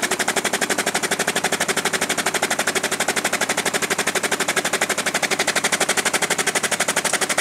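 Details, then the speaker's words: Demonstration of a neonatal high-frequency oscillatory ventilator with its frequency being increased: rapid, very regular mechanical pulsing at about three bursts a second that changes as frequency rises. Frequencies as high as 12–15 Hz are common in neonates. "increase that you see the thief hear the sound change it's not uncommon to use frequencies as high as 12 to 15 Hertz on a neonatal"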